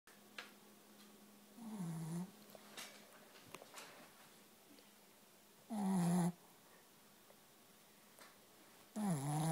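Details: Female sleeper, very tired after a play date with her sister, snoring: three short, buzzy, snorting snores with quiet gaps, about twenty a minute, in a quiet room.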